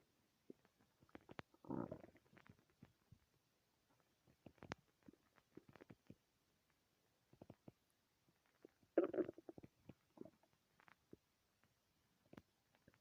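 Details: Stomach growling (borborygmi) in a quiet room: quiet, scattered gurgles and clicks with two longer rumbling growls from gas and fluid moving through the bowel.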